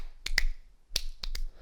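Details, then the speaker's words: Finger-snap imitation of heart sounds, with close paired snaps mimicking a split second heart sound ('lip the dub'), described as fixed splitting of S2 during inspiration. "so close that you can barely hear them it's like lip the dub that's called a fixed splitting and that's okay so if you hear that that's fine as long as they're breathing in"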